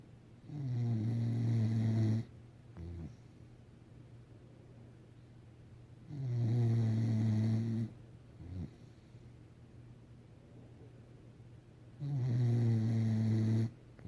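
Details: Sleeping dog snoring: slow, deep, buzzing snores on inward breaths, about 10 a minute, each followed by a short puff out.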